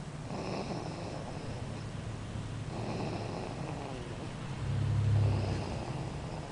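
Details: A loud sleeping baby makes low, rumbling snore bursts with each breath and a louder rattling snore near the end, with adult voices softly talking; infant snoring.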